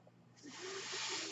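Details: Speaker's own mechanical ventilator, heard during a podcast recording: a quiet pause gives way to a rising, steady airy hiss of gas flow as the ventilator delivers a breath.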